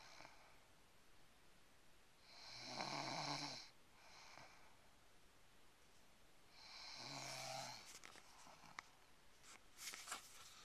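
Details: Young woman snoring during a car ride: two rasping, fluttering snores on in-breaths, about 14 breaths a minute; ordinary snoring.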